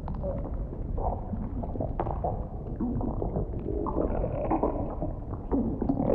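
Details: Close-up stomach rumbling recorded for ASMR audio while the performer keeps snacking: continuous low gurgling and rumbling as food digests.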